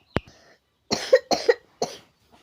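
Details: A child gives a short run of about three harsh coughs in close succession in a quiet room; the adult speaking blames eating ice, iced drinks and candy for the cough.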